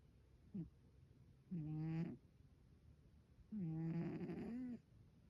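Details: Sleeper apparently eating in her dreams, then snoring: a brief snort followed by two long, rough, buzzing breath sounds.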